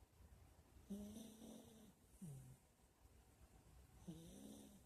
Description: Sawing Logs